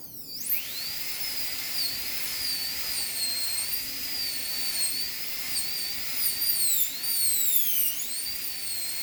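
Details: High-speed dental handpiece during anterior PFM crown preparation, rounding line angles and tapering the walls: high steady whine dipping and wavering in pitch as it cuts tooth.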